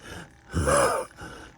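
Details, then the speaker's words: Patient at 3:30 a.m. on day four after esophagectomy, in a lot of pain and struggling to cough up secretions; strained groaning gasps between quieter breaths, laboured breathing. "okay it's 3:30 3:30 a.m. I'm in a lot of pain and it's hard to"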